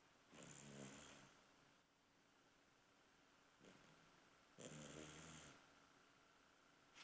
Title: Snoring dog with green eyes!!!